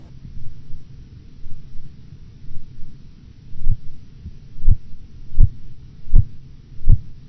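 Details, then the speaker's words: Blood pressure measurement in a patient at 116/90 mmHg: silence, then sharp regular tapping at about 80 a minute, Korotkoff sounds first appearing at 116 mmHg and disappearing at 90 mmHg as the cuff deflates. "You will hear nothing until the first Korotkoff sound appears at 116 millimeters of mercury. The various phases of Korotkoff sounds will be heard until their disappearance at 90 millimeters of mercury."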